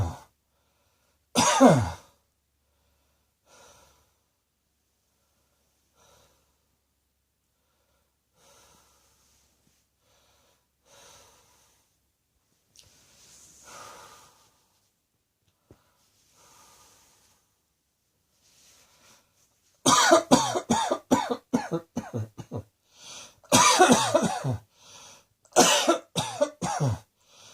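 An adult gives one cough, breathes quietly, then coughs repeatedly in a rapid run of harsh bursts.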